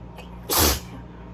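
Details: Allergy sneezing fit, arms above and behind the head: a single sharp, explosive burst of air under half a second over steady room hum, a sneeze.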